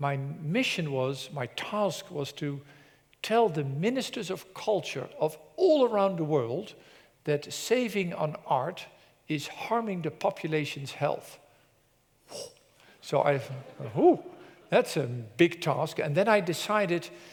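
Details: Adult presenter; normal speech.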